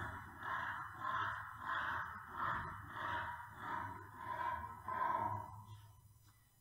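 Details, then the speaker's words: Obstructive respiratory noise (stertor/stridor) in a brachycephalic dog after an exercise test: rapid, loud, harsh rasping breaths with a strained, partly whistling tone. "why do we include the exercise test because it makes it easier for us to diagnose bias and we saw lots of dogs often Bulldogs often Pugs that they were quite relaxed with their owners and they had a nice low respiratory rate but as soon as they did anything then"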